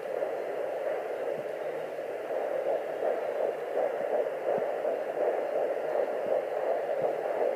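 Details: Fetal heartbeat at 11 weeks 4 days on a Sonoline B fetal Doppler, fast rhythmic whooshing pulses about 160 per minute over hiss, partly masked by a louder vessel sound (possibly an artery), with lots of fetal movement; heartbeat pops in and out.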